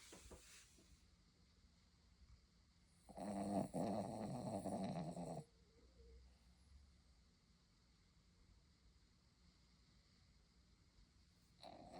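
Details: One long, loud, rattling snore lasting about two seconds, then quiet background hum; described as a ridiculous amount of snoring.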